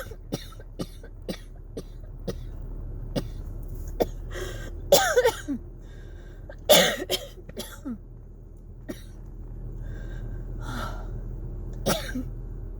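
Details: Repeated short dry hacking coughs without wet rattle in an adult with cough variant asthma, triggered by very cold dry air and old heater vents; dry coughing fit at night.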